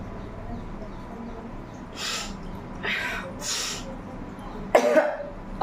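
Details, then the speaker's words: Woman with a heavy cold and recent fever, bringing up phlegm for a nose-blowing and coughing challenge: several short, breathy coughs and throat-clearing over room noise. "देखिए mating भी साथ में हो है मास भी निकल गए बहुत खांसी और सर्दी दोनों हो गई है"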